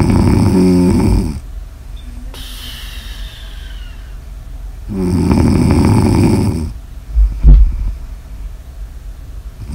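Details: Snoring in an ASMR sleep recording: loud, low, vibrating snores on breathing in, separated by airy breaths out, with a brief snort near the end.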